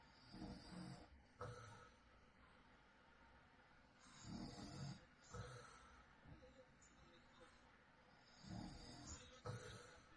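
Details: Man (husband) snoring during night sleep, real recording: low rumbling snores with each in-breath, about 15 a minute, against steady room noise.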